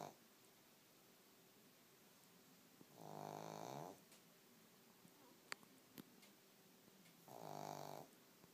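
Two loud rattling snores about four seconds apart, roughly 14 breaths a minute, in a quiet room with faint clicks.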